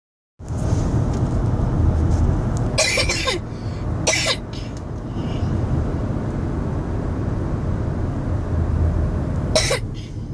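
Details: Three separate adult coughs over a steady low rumble, like a car engine.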